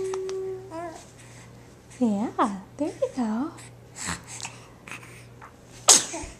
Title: boy in stripes sneezes.MP4